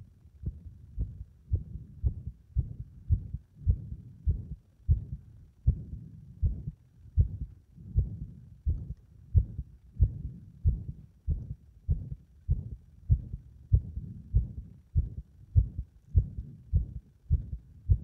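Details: Heart that becomes unstable under compression: low heart thumps near 100 per minute with uneven spacing between beats, an irregular rhythm.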